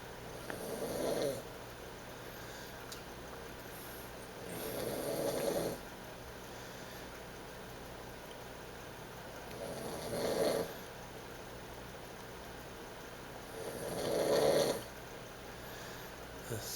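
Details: Snoring while asleep after a night at a concert, with someone laughing in the background: four slow, rough snores on the in-breath, about 15 breaths a minute, with quiet between them.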